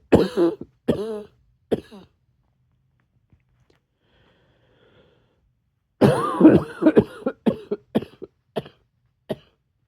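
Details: Cough that turned a little barky at the end: two clusters of short, sharp coughs, about three then a longer run of several, separated by a quiet pause.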